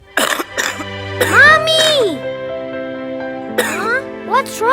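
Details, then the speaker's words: Child coughing, described as a wet cough with mucus, in a cough syrup advertisement. "Mom, >> I'm still coughing."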